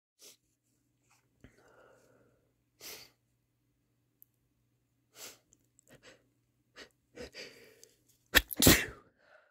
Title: having a good sneeze (m)